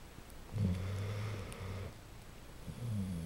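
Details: Dogs snoring at 2 a.m.: low, soft rumbling snores on two breaths, with a quiet pause between them; snoring.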